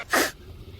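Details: Streamer's sneeze compilation, part 3, from a stream: a single short, sharp sneeze burst followed by quiet breathing; sneeze.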